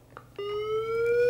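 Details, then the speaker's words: LifePak 12 monitor on a simulated cardiac arrest in ventricular fibrillation, unsynchronized defibrillation selected at 200 joules; a steady electronic tone rises in pitch as the defibrillator charges before the shock. "Okay, well, now we're going to defib the patient. So to defib the patient, energy select, we're going to go 200 joules."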